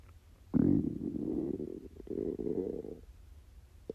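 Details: A long, low gurgling rumble of about two and a half seconds: stomach growling (borborygmi) from a totally empty stomach during a self-recorded 24-hour fast.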